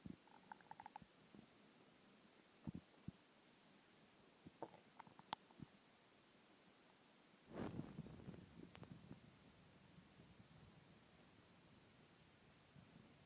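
Scattered gurgles and squeaky rumbles, then a longer bubbling growl: hunger stomach noises, a normal sign of gut movement.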